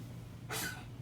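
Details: Coughing from someone else in the background (not the speaker) during a planner-decorating session.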